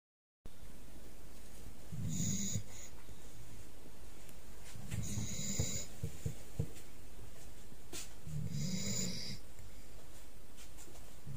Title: Cute puppy snoring #shorts